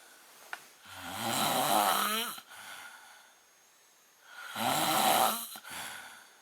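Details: Man snoring in a hotel room at night, called terrible and loud: rattling snores on each in-breath with quieter out-breaths, two breath cycles about one every four seconds.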